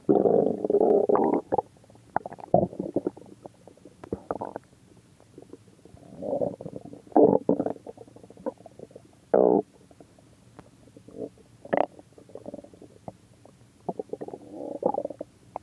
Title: my stomach growling